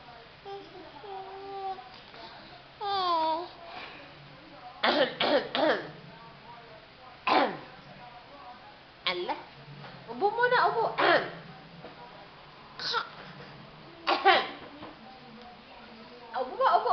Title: baby coughing 2